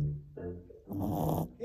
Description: Luca 4 months old boy Boston Terrier snoring LOL !